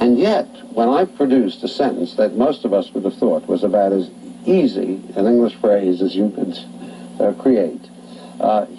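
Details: Adult male clinician speaking; Normal fluent speech.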